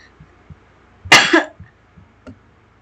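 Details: Adult with a sore throat who is feeling unwell and coughing throughout the recording: a single harsh cough burst in a quiet room with faint tapping; an isolated cough.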